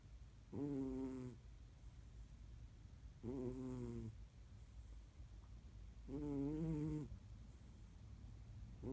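Three slow, rough, tonal snores about 3 seconds apart from a sleeping animal: snoring, roughly 20 breaths a minute.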